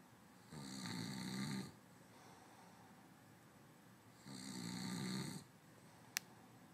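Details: Two long, rattling inhaled snores about four seconds apart from a sleeping man, with quiet breathing between; ordinary snoring during sleep.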